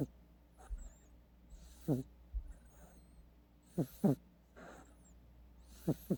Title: 고양이 코고는 소리 / Snoring Cat Sound